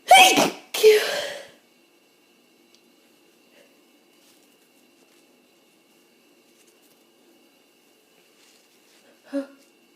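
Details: Hay fever and possibly a starting cold: two forceful, itchy, tickly sneezes in quick succession, then quiet with a faint sniff; eyes streaming by the end; sneezing.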